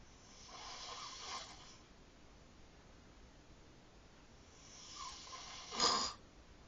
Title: snore sesh